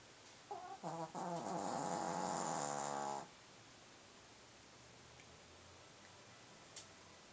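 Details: Pomeranian dog snoring: one loud, drawn-out snore of about three seconds with a buzzing, fluttering sound, then quiet room noise.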